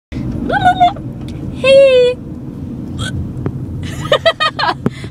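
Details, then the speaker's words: Person with bad hiccups while talking; hiccups interrupt speech. "has the hiccups like super bad right now. Yeah, I do. So if I interrupt my speech with a hiccup, just don't be offended."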